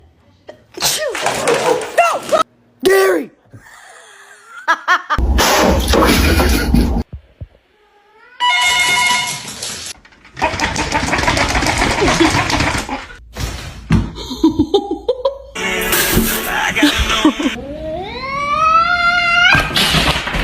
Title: Just Sneezed